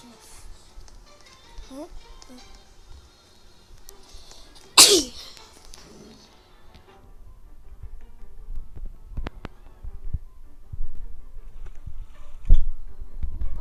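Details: One sudden loud sneeze from a child playing a burger-cooking video game, with game music and talk in the background.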